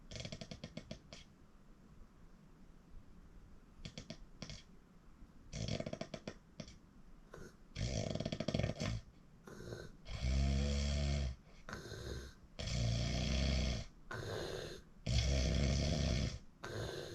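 Quiet breathing at first, then loud, rattling snores that grow stronger, about one every two seconds; heavy snoring.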